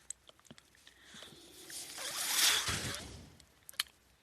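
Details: Mechanical ventilator noise heard continuously behind an adult podcaster who uses a ventilator and is speaking.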